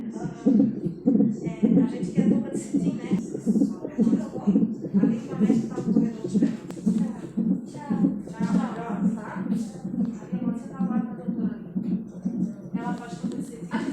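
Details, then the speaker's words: Fetal heart tones on Doppler monitor during labor at 39 weeks, 2 cm dilated on hospital arrival: rapid, regular whooshing pulses about 120–130 a minute, reassuring fetal heartbeat; everything okay. "Now, after taking the echograph test to check the baby's heartbeat,"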